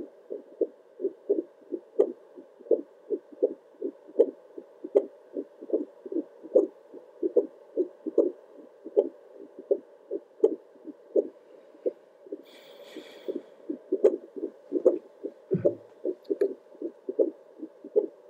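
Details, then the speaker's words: Steady whooshing Doppler pulses about 75–78 per minute, louder with deep breaths, with handling scratches; adult's own heartbeat on a home heart monitor at 1 a.m., relaxing; normal heartbeat. "every time i take a big deep breath my heartbeat sounds so much louder i am currently filming this at 1 13 in the morning a.m so these sounds are just rocking me to sleep"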